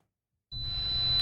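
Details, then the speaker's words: Simulated tinnitus: silence, then a steady high-pitched whistle heard as a constant ringing tone. "Ce sifflement, c'est le compagnon d'infortune de 14 millions de Français qui souffrent d'acouphènes."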